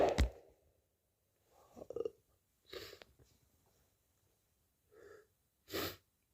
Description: wet powerful and muffled cold sneezes also shower sneezes and nose blows